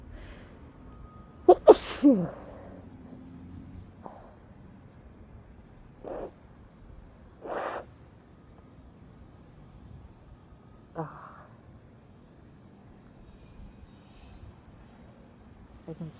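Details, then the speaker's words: Sneezing fit after a small amount of potent fresh chhinkni nasal snuff, first use in a while: a run of about six sneezes, several partly stifled, with quiet sniffs between; amazed how little was used. "Oh my God, that stuff works so well. I'm not done yet either. Oh, you guys, I used so little. Holy smokes."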